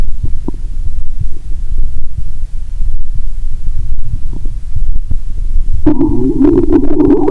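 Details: Bowel sounds heard through a stethoscope over the abdomen while lying down after drinking cola and swallowing Mentos: low rumbling and irregular gurgles, ending in a louder sustained gurgle; active bowel sounds.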